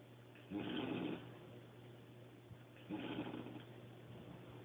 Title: Sister-in-law snoring like a Grizzly Bear Part 2